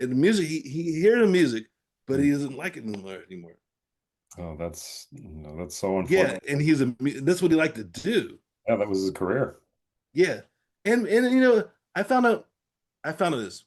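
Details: Adult man with aphasia after a stroke; aphasia.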